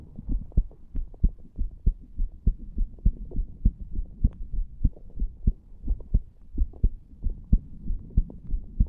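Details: 34-year-old male lying on a bed, recorded at the tricuspid area, after nicotine from a cigar and "green stuff": steady low thumping heartbeat at about 100 beats a minute, upper edge of normal; fast heart sounds.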